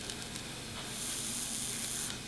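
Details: Young girl with a wart present almost a year, after numbing cream: a sharp, steady hiss of about a second, rising from quieter spraying, as liquid nitrogen cryotherapy freezes the wart.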